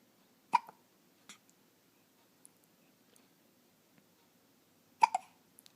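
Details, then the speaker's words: Hiccups in a 2½-week-old infant, being patted for about 10 minutes so far: two sharp, brief catches of breath several seconds apart in a quiet room. "yeah the hiccups yep you pat him for about 10 minutes so far"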